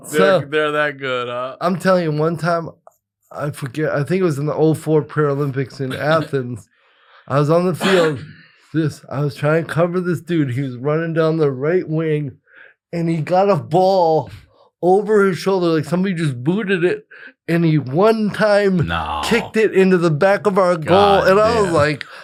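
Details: Adult male with cerebral palsy present from birth, attributed to brain injury or lack of oxygen at birth after an emergency C-section; dysarthria (cerebral palsy).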